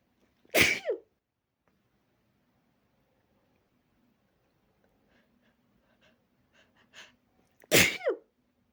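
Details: Explosive sneezing after practicing softer sneezes, the trigger becoming too much: two loud, explosive sneezes several seconds apart, with quiet room noise between.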